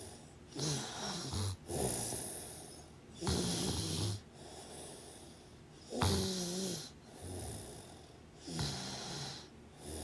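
Repeated harsh, vibrating snores with some whistling tone on inhalation, roughly 23 breath sounds a minute: snoring during sleep.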